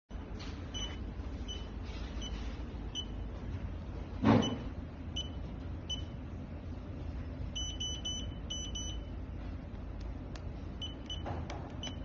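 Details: Repeated short electronic beeps and quick beep clusters over a steady low hum from a PC200 handheld patient monitor measuring NIBP, SpO2, temperature and ECG; patient monitor operating tones.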